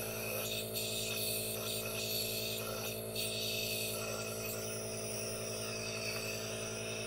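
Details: Aerosol nebulizer running with hand movements and no talking: steady hiss and hum with faint rubbing sounds of the hand movements.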